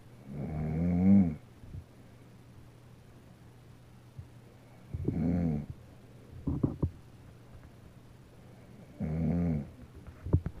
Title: Dec. 29, 2016 baby moving while daddy snoring.